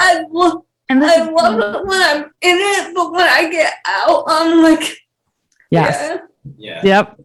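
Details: Dysarthria in a 28-year-old woman with cerebral palsy, who has speech issues that her fiancé, also with cerebral palsy, does not have.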